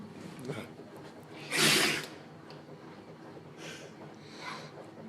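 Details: Dog with sinus issues after inhaling a blade of grass, nose bleeding, during a 45-minute sneezing fit: one loud, sharp sneeze among softer snorting sneezes; repeated sneezing.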